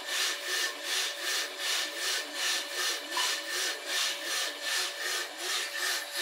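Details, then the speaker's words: Steady rhythmic rasping hiss with a faint wavering tone, about 80 pulses a minute, from a 25-year-old Medela Dominant 50 suction machine tested with the case open after pump bearing replacement, the previous knocking gone. "So testing natin [sumisingasing] an guys. So wala na yung lumalagatok. Yan."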